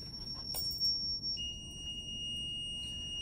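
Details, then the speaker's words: Zoll R Series defibrillator charging at 50 J in sync mode for adult synchronized cardioversion, demonstration: steady high-pitched electronic tone rises and holds. "next thing we're to do is we get charged"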